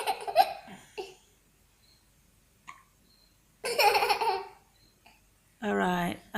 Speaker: we're very um it's very funny because the baby's making hiccups do you think it's funny